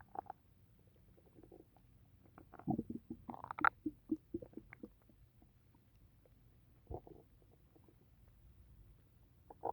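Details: Stomach rumbling that the person says always happens after drinking tea: scattered short gurgles and pops from the belly in a brief burst, active bowel sounds (borborygmi).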